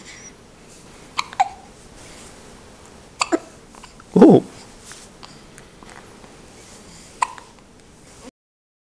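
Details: Infant girl with hiccups in the morning; several brief, abrupt hiccups at irregular intervals, one louder and fuller, over a quiet room background.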